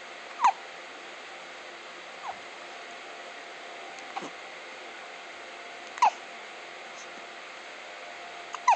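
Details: Infant hiccups: five brief, quiet, sharp hiccup sounds about every two seconds over steady room hiss.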